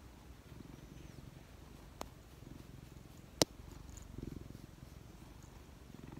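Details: Relaxed cat: a soft, continuous low rumbling purr with a couple of faint clicks; cat purring.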